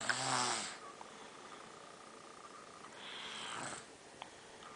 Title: snoring